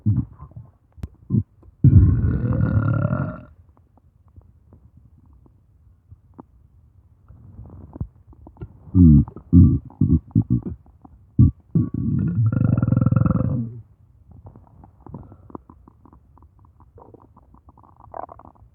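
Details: Two long, low, rumbling belches with gurgling stomach growling between them, audio only: ordinary burping (eructation).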